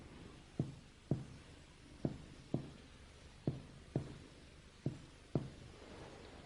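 Paired finger-percussion taps with short, somewhat hollow ringing notes; mild tympany over Traube's space, less distinct with little stomach air.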